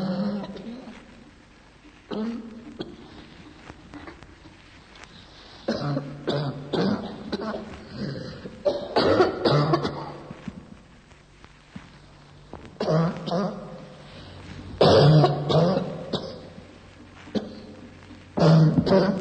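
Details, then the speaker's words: Repeated bursts of harsh, rough coughing with some throat clearing; a hoarse, croup-like cough of bronchitis with coexisting laryngitis and pharyngitis. "Se esistono contemporaneamente laringite e faringite, la tosse da bronchite può assumere un carattere acustico roco-crupale o anche sonoro-musicale."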